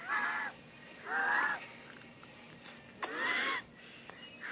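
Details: Sick infant eagerly drinking water from a bottle, making three or four short, high, whistling squeaks with breaths; wheezing.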